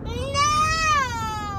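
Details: A sleepy infant gives a single drawn-out, rising then falling, whiny tonal cry over faint room noise; infant whining cry.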